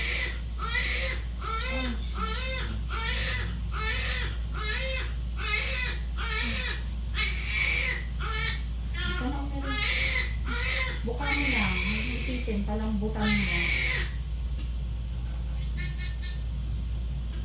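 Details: Vigorous crying bursts from a baby boy just after normal vaginal birth, the mother's third pregnancy, over a steady low hum with brief adult voices.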